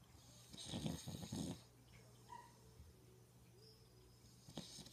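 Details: Father snoring: a short burst of rough, fluttering snore sounds followed by quiet breathing and room noise; ordinary snoring.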